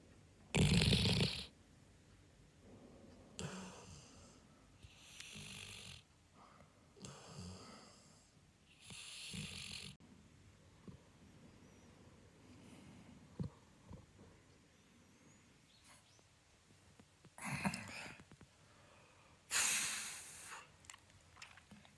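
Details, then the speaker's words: Loud rasping breaths recur irregularly with quiet pauses between them: an animal snoring while napping on a sofa beside its owner, loud enough to wake the owner. "セージと一緒にソファーで昼寝していたら、セージのいびきで起きました"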